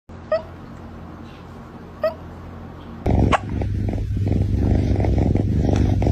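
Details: Kitten with hiccups.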